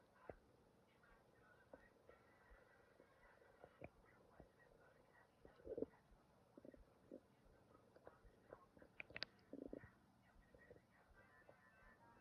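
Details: Stomach growling: quiet, irregular gurgles and short rumbling squeaks over low room noise; ordinary, normal bowel sounds.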